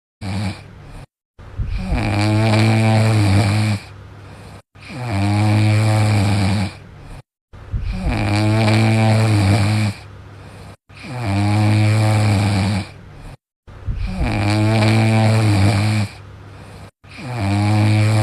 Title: dog sound sleeping alone #funny#short#dog snoring